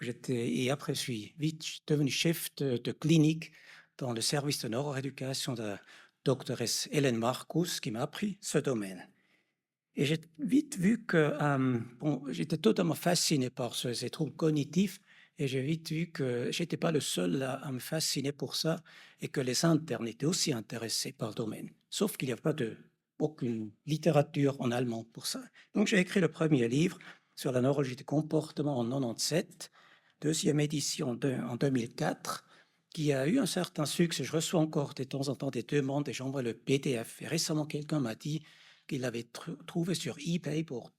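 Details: Adult man speaking French; normal speech.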